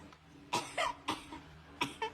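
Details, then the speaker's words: About five short dry cough bursts from an adult, acted in a comedy skit; possible infection suggested. "क्या है खांसी आ रही है क्या तुम्हें खुश तो रहने नहीं देती कम से कम खांसी ही आने दो अरे क्यों आ रही है खांसी इंफेक्शन हो गया होगा"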